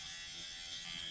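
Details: Dr. Pen electric microneedling pen at slowest speed, 0.25 mm needle depth, run over skin, home use; steady high-pitched electric buzz on skin.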